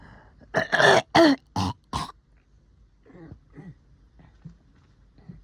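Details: Person with COVID-19 and a sore throat giving a run of four loud, loose coughs with lots of phlegm, then softer throat sounds: wet productive cough.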